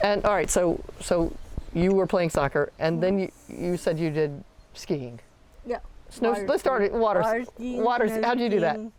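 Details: Adult woman speaking; Normal speech.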